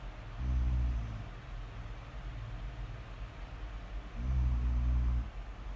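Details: Person snoring during sleep, recorded as ASMR snore audio: two deep, low rumbling snores a few seconds apart over faint background noise; snoring.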